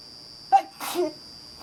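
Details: Single sneeze at night on a balcony, during a sneezing attack: a quick intake then an explosive burst, against a steady high-pitched background whine.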